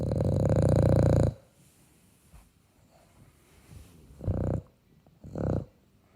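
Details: Snoring in sleep: one long, loud rumbling snore followed by two shorter, softer snoring breaths, low and vibrating.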